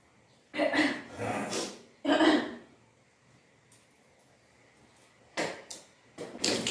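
Two loud retching and gushing bursts followed by quieter heaves and spitting; self-induced vomiting after drinking salted water.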